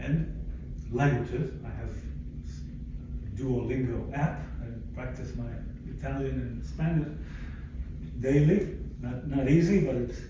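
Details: Aphasia in a 62-year-old man, previously fluent in several languages, acquired after a stroke following cardiac ablation in December 2011, affecting his language, speech and understanding.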